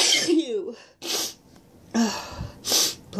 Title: Stuffy sneezes n sniffles